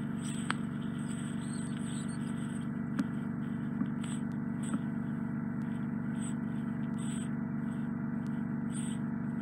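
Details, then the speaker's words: Microsuction removal of impacted earwax from an adult man with bilateral fully occluding wax, right ear worse; wax lodged deep near the eardrum. Steady suction hiss and hum with brief clicks and rattles as wax is drawn through the tube. "I think it's going to be really loud now. I'm going to see if I can get this out. It's not really easy."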